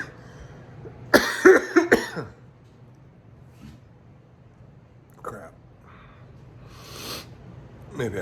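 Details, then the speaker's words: An adult on day 3 after COVID exposure, with a fever of 99.8°F, mild cough and difficulty taking a deep breath, not yet tested, gives about four forceful coughs, then quieter breathing and faint throat sounds. "so i woke up with a mild cough chest feels like it's kind of kind of like um it's hard to take a deep breath"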